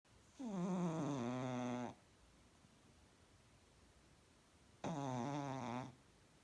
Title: Cat snoring